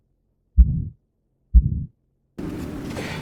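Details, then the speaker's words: Crescendo-decrescendo systolic murmur of aortic stenosis: two low heartbeats, each with a harsh murmur that rises to a peak and then falls. "بعدی کرشندو دکرشندو هست یعنی سوفل ابتدا حالت بالا رونده داره و بعد به پیک می‌رسه و بعد حالت پایین رونده داره مثل بیماری که"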